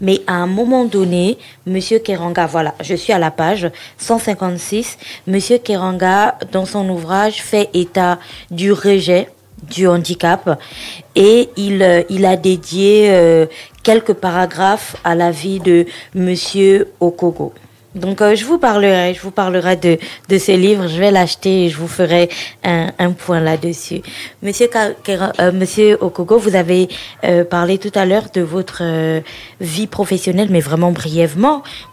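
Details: Adult woman speaking French; typical speech.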